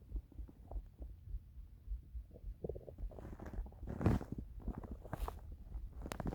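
Low gurgling and rumbling from the belly, growing louder midway: ordinary hunger rumbles, normal bowel sounds.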